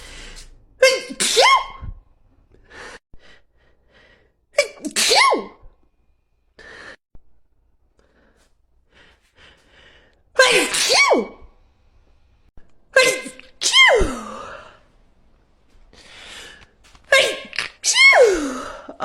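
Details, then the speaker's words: Woman with allergies who ran out of her allergy medicine and says she sneezed so hard she bit her tongue: five sneezes, each with a sharp in-breath before the burst, over about twenty seconds; sneezing fit. "I ran out of allergy medicine and I'm suffering so hey everybody and I I sneeze so hard that I bit my tongue"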